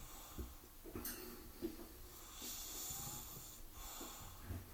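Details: Snoring after a visit to the park: snorting, snuffly breaths with brief whistly notes, over faint room noise.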